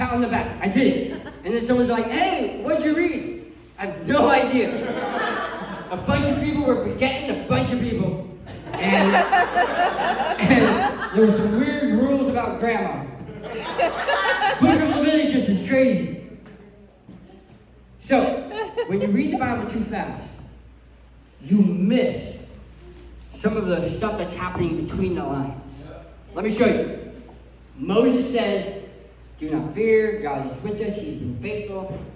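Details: Adult male who lost 80% of his tongue to cancer, now with a permanent speech impediment; articulation disorder after partial glossectomy.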